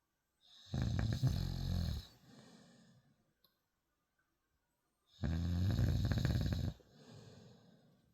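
Two loud, low, rattling snores on the in-breath, each followed by a softer out-breath, in a quiet room.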